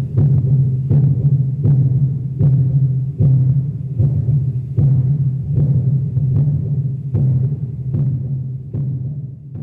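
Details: Recording of the speaker's own heartbeat: steady, regular heartbeat thumps at about 76 beats a minute over a low continuous hum; a normal heartbeat.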